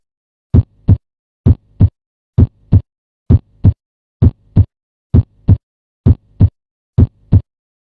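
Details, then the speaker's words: Normal heart sounds at about 65 beats per minute: clean paired S1 "lub" and S2 "dub" with quiet gaps between. "The S1 heart sound is usually described as sounding like the word lub, and the S2 heart sound dub."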